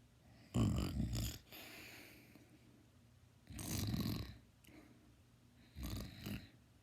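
Loud, low, rattling snores on each breath in, with quieter breaths out, about 19 breaths a minute; heavy snoring.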